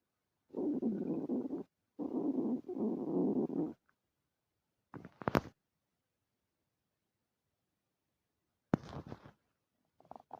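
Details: Long, low gurgling rumbles, then shorter squelching bursts, from an empty stomach after two days without food, recorded on a phone; normal hunger bowel sounds, stomach growling.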